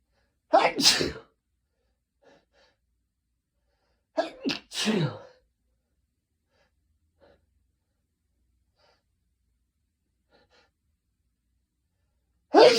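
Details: Afternoon sneezing, labelled male (m): three sharp sneezes, two in a quick pair, with faint quiet sounds between them in a still room; sneezing.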